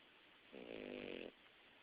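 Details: Young pet snoring, recorded in the dark: a single short, buzzing, nasal breath under a second long against faint room hiss.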